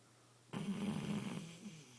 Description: My shar pei sleeping loudly